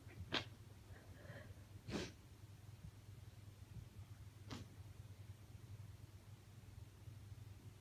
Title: Sick Sneezing (F) - Mostly stifled